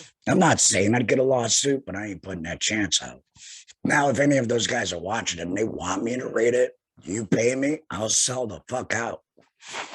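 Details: Tracheoesophageal voice in an adult male laryngectomee about two years after total laryngectomy for head and neck cancer, speaking through a tracheoesophageal puncture voice prosthesis by finger-occluding the stoma HME.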